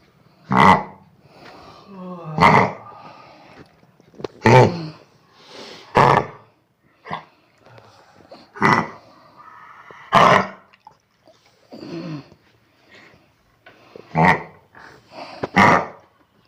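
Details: Dog with kennel cough; repeated harsh honking cough bursts with retching sounds between them.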